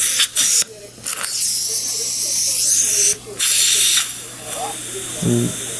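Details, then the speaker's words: After implant placement at tooth site number 3 and suturing for two-stage healing, the surgical site is rinsed: hissing spray and suction noise with brief pauses. "Just rinse the surface off really good."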